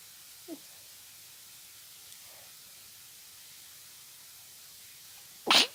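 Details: A person with seasonal allergies, sneezing all day, in a quiet room makes a small intake sound, then one sharp hissing burst; single sneeze.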